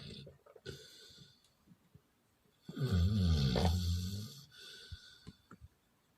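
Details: Dog snoring: one long, loud, rattling snore between quieter breaths, with faint room noise.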